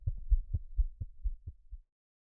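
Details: Fetal heartbeat picked up by a Doppler device and played through a speaker fitted with a 2-inch metal dish of blood-mimicking fluid. Fast, regular, low whooshing thumps at about 130 per minute.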